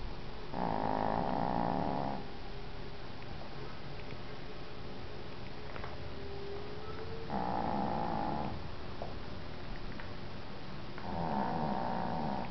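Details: Dog Benny snoring: slow, deep, rumbling snores, three in about twelve seconds, with quiet exhalations between.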